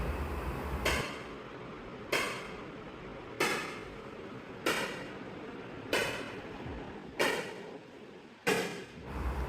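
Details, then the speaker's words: ESWL lithotripsy on a patient with a right kidney stent and residual stones after surgery: sharp, regular knocking, about 47 a minute, like hammer blows; the machine's shock waves. "लेकिन इसकी आवाज बस डरावनी है। यह ठाठा की आवाज जो आ रही है ना तो ऐसे लग रहा है जैसे हथौड़े से पीट रहे हो किसी को।"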